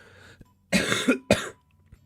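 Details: Cough from an adult who says they are sick, heard during a live stream among snorts and speech.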